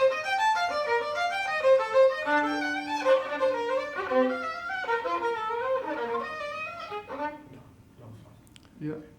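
A fast solo violin passage starts fluently, then grows uneven and thinner and breaks off: progressive decrement of repetitive movement, bradykinesia in Parkinson's disease.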